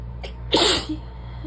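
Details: Adult lying down trying to nap after work: quick in-breath then one sharp, explosive sneeze, part of a sneezing fit, over steady room hum.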